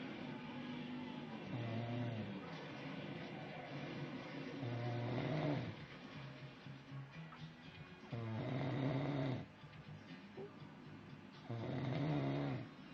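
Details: Human, nicknamed a grizzly bear, who denies snoring: low, rumbling snores repeating about 18 times a minute against a quiet background.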